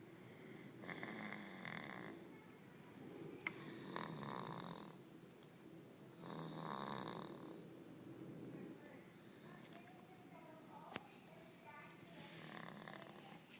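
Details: Snoring after falling asleep: rhythmic rattling snores with each breath, about 18 breaths a minute, with small clicks and room noise; snoring.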